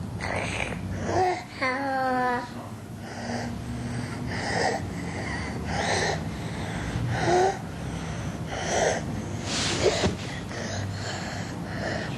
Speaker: this boy has mild croup at rest he has a soft stridor observe the mild degree of sternal and subcostal retraction note the profuse clear nasal discharge the stridor is predominantly inspiratory but there's an expiratory component reflecting subglottic and tracheal involvement